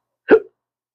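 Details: Adult man with chronic hiccups: a single abrupt, short voiced hiccup, a sudden gulping click-like sound.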